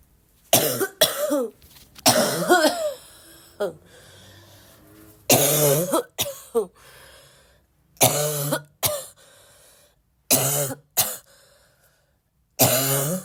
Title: still sick and coughing a lot 2